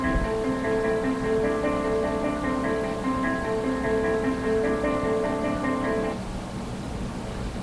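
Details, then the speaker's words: CEREC dental scanner acquisition unit losing track while imaging a tooth: a repeating, tune-like, more abrasive 'honky-tonk' electronic chime loops for about six seconds before stopping, warning that the scan is confused. "well that sound is when that same computer that same see rock acquisition unit is confused"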